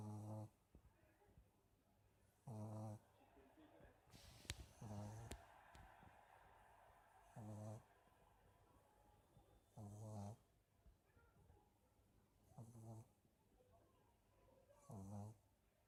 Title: Snores!